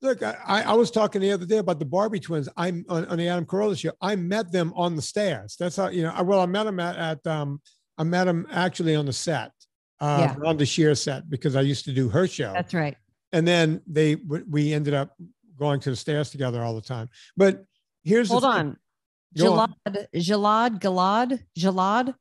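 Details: Real adult man with a speech impediment that still persists, with his tongue protruding and misplaced on the th sound and certain words still difficult; speech impediment (articulation disorder).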